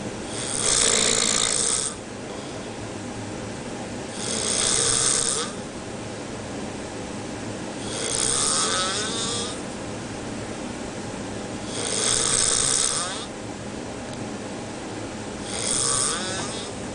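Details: Sailor asleep on a boat in the middle of the ocean: regular harsh snores every four seconds, about 15 breaths a minute, with quiet gaps between; steady snoring in sleep.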